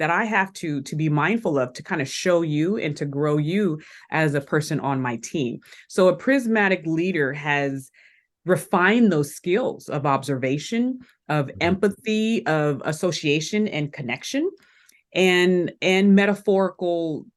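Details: Adult woman who has stuttered since elementary school, attended speech therapy three times a week, still stutters with occasional blocks; stuttering.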